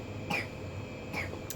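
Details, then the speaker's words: Two short, fairly quiet coughs in the background with a third possibly starting, over low room noise, at a home where the family has been sick. Cough. "we've been sick you could hear the coughing in the background"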